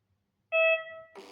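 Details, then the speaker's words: ZOLL M2 defibrillator restarting after saving a changed date and time configuration in its service menu: a single steady electronic tone, then brief room noise. "зберегти конфігурацію та вийти після чого дефібрилятор перезавантажиться"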